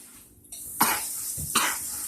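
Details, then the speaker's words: A young child coughs while trying to sing, told to remember to breathe: two short, dry coughs in quick succession; cough. "well we got to remember to breathe loss thing you know else you're gonna cough try again"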